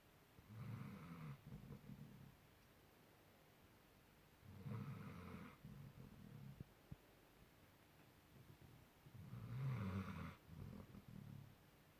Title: dog snoring like a human! It's taking over the bed